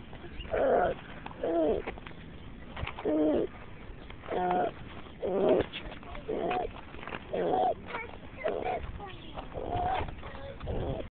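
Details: Person walking, recorded on a mobile phone; rapid, repeated high-pitched musical crowing noises with each breath, about 55 a minute; stridor.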